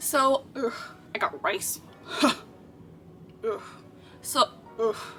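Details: Vocal tic (Tourette syndrome) in a girl with real Tourette syndrome; a spontaneous vocal tic phrase occurs.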